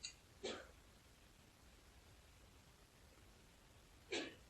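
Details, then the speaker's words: Two or three brief, muffled sneezes from an adult man (speaker's husband) some distance away against quiet room noise; sneeze. "husband's sneezing. I don't know if you can hear that,"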